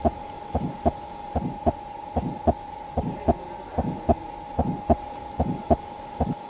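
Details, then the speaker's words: Abdominal venous hum from portal hypertension with collateral flow into the large veins, heard by stethoscope over the epigastrium or around the umbilicus as a soft continuous hum with pulse thumps near 74 per minute. "whomเกิดจากพอร์โต้ไฮเปอร์เทนชั่นทำให้หลอดเลือดลัดทางเข้าสู่ระบบหลอดเลือดดำใหญ่ขอเพิ่มขึ้นเสียงที่ได้ยินเป็นเสียงเบาๆติดต่อกันได้ยินบริเวณลิ้นปี่หรือรอบสะดือ"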